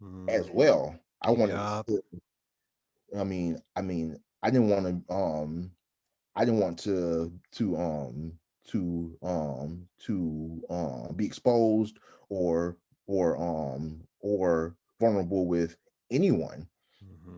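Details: Adult man who stutters, with frequent interjections; stuttering.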